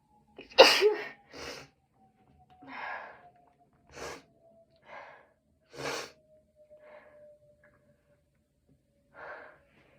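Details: Someone who was either sick this week or had allergies finally able to sneeze: one loud sneeze followed by several softer sneezes and sharp breaths in quick succession.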